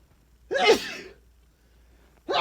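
A single loud, explosive sneeze with a vocal 'achoo' quality, and the start of another at the end; loud sneezing.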